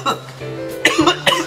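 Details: Adult man coughing after inhaling firework smoke during a video shoot gives several short, sharp coughs over steady background music, then still tries to apologize.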